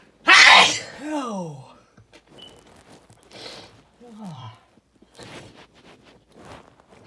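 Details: Single sneeze attributed to hay fever: one loud, explosive sneeze with a falling voiced tail, then softer breathy sounds and rustling.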